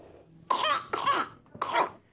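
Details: Whooping cough (pertussis) in an infant: three harsh, rapid coughs.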